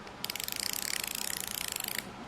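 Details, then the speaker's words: Insulin pen wound to fill a Medtronic 530G pump reservoir, refilled about every three days, for a child with type 1 diabetes diagnosed at age 4: rapid, even run of sharp ratcheting clicks lasting about two seconds. "we're gonna push down on the back of the pen and you can see the reservoir slowly starting to fill out and one wind it again and push it down again"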